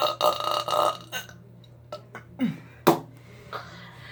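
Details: Person burping in a hotel bathroom: a loud, drawn-out croaking burp, then smaller gulping belches.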